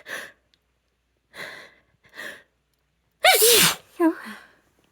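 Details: Deliberately induced sneezing: three catching breaths build to a loud, voiced sneeze, then a second, smaller sneeze follows.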